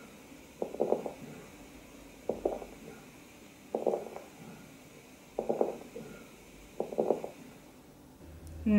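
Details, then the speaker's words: Crepitations in a lung auscultation teaching recording: regular breath cycles with fine crackling late in inspiration, from fluid-moistened alveolar walls separating with difficulty at the end of inspiration. "during inspiration alveolar walls separate with difficulty at the end of inspiration to produce late inspiratory slight cracking sound"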